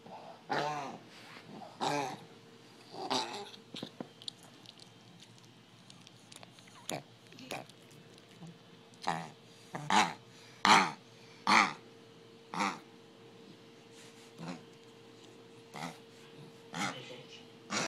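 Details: A 6-year-old Pomeranian with a sudden-onset cough and a vet-diagnosed collapsed trachea, who stopped breathing three times that day: repeated harsh honking coughs in clusters, a collapsing trachea cough.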